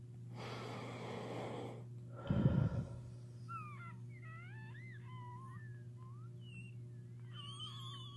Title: ASMR WHEEZING